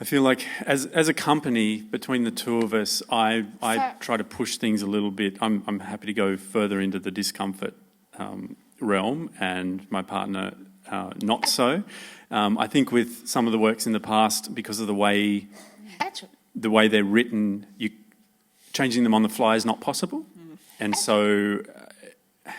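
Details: Adult man speaking; normal speech.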